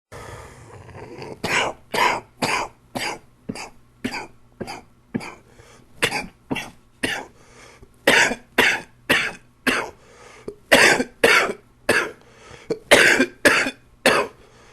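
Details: A long run of about 25 harsh, forceful coughs with brief gaps in a quiet room, from a person with a chest cold.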